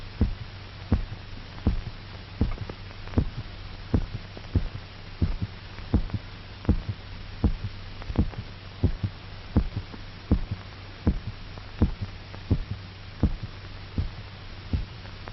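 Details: Dog's heartbeat during a 1930s heart-lung machine experiment, before the blood was drained, pulse described as normal: regular low thumps at about 80 beats a minute over a steady hiss and hum.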